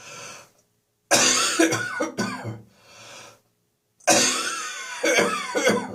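Two bouts of loose, harsh coughing, several bursts each with quiet pauses between; a lingering cough after bronchitis.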